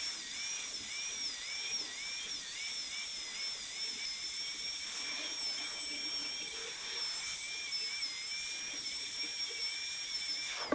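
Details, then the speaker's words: A high-speed dental handpiece gives a whine dipping in waves as the bur cuts, with suction hiss, while dropping the mesial box of typodont tooth #18 for a gold onlay preparation. "you're doing uh working inter-proximally i recommend as much as possible to use direct vision if you can and so i'm able to directly visualize this as i drop a box toward the mesial aspect"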